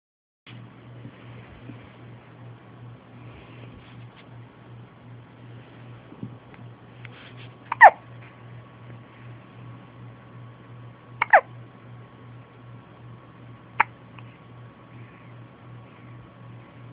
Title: Hiccups!